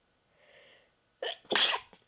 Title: sneezes 4